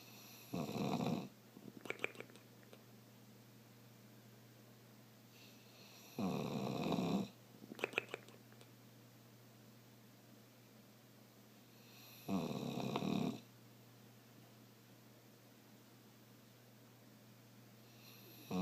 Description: My bulldog, moose, snoring and making a strange noise.